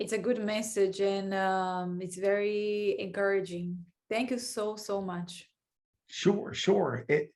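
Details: Adult speaker; ordinary speech.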